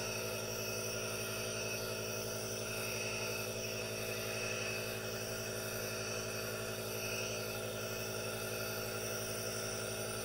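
Steady, continuous hissing machine noise with a low hum throughout, typical of a running nebulizer.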